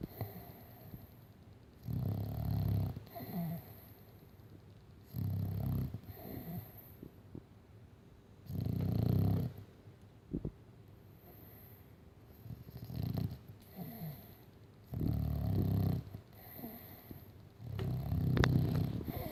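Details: A sleeping Staffordshire bull terrier gives loud, low rumbling snores with each slow breath in a quiet room; dog snoring.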